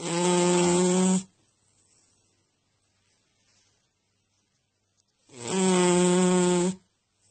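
Two loud, steady buzzing tones about five seconds apart, with quiet gaps between: rhythmic snoring.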